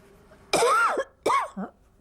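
Two harsh, voiced cough bursts from an adult in a quiet room, the second trailing into a brief throat-clearing sound; an ordinary cough.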